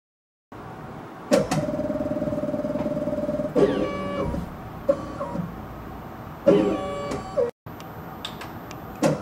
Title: scanBox Pro Dental Lab Scanner